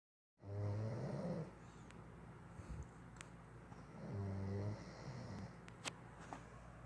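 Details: Adult man snoring in sleep: two low, buzzing snores about three seconds apart, with quiet breathing between and faint background clicks.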